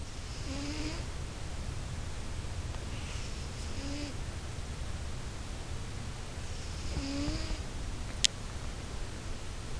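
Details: Pet cat snoring while asleep: rhythmic breaths each ending in a soft whistling squeak, about 18 a minute over low rumble: snoring.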